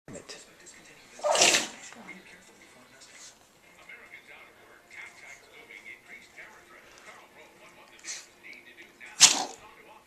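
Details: Pug having a sneezing attack: two sharp, explosive sneezes several seconds apart, with snuffling and sniffing sounds between them.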